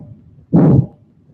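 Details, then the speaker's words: Loud, harsh, long systolic ejection murmur with a soft or absent second heart sound: a pathologic systolic ejection murmur, in contrast to a soft, early benign murmur. "much louder soft to abs and sound so let's review the golden ruing mormar is the longer the louder so if the mormar goes like this gosh much more likely to be bad"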